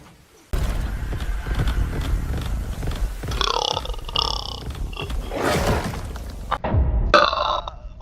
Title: burp compilation